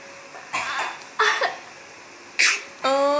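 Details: 8-month-old baby girl, taught to imitate, gives a few short, breathy cough-like bursts on request: an imitated cough rather than a real one, with an adult voice nearby.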